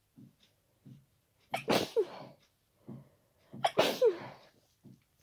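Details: Person with a cold: two loud, wet, powerful, explosive sneezes, each preceded by short gasping breaths in; unstifled sneezing.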